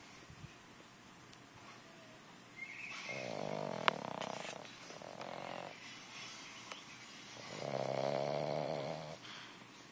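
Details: Puppy fast asleep, snoring louder than a man: soft, whistling, nasal snores rising and falling with each breath; puppy snoring.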